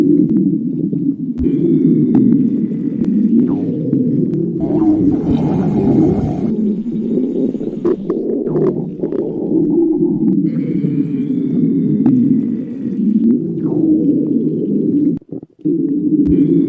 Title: stomach growling